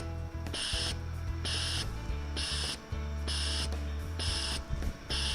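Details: S-21 pneumatic transport ventilator with HME filter in the airway circuit, set to simulate a small baby: rhythmic hissing gas bursts over a low steady hum, roughly 33 cycles a minute; simulated infant ventilation cycling.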